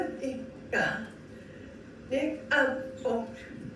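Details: Before treatment; breathy voice with air leak and reduced maximum phonation time; abductor spasmodic dysphonia.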